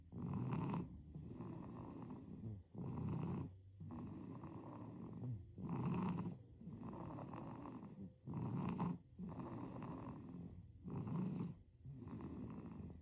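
Soft, rhythmic, rumbling breaths with a snore on each cycle, about 23 breaths a minute. Infant snoring.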